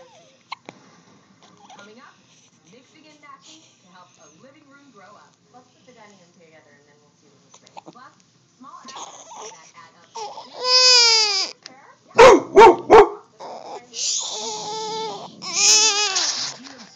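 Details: An infant with hiccups: quiet fussing, then crying broken by sharp, jerky hiccup catches, an upset baby with hiccups.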